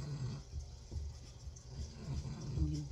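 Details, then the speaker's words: Soft, low rumbling snorts at irregular short intervals from a dog dreaming and snoring while sleeping at its owner's feet in a quiet room. "probably hear my dog he's dreaming snoring away at my feet here"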